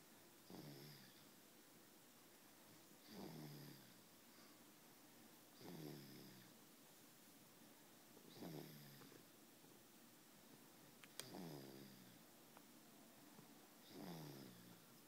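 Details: Baby snoring: short, soft snorting snores on each breath, about 24 a minute, evenly spaced over quiet room noise.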